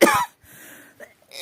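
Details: Adult with a cough lasting nearly a week that will not go away: one short, harsh cough burst followed by quiet breathing and faint room noise.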